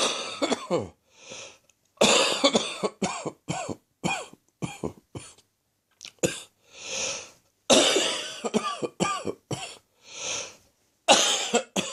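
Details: Late-morning coughing fit from a chest infection that is slowly resolving: repeated bouts of harsh cough with short breaths drawn in between.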